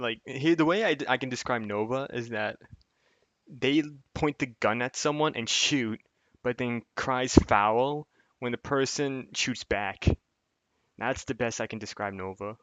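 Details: Adult male speaker; typical speech.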